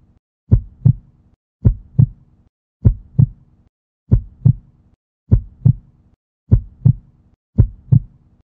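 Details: Human heartbeat: steady paired lub-dub thumps at about 50 beats a minute, slow and regular, a normal heartbeat.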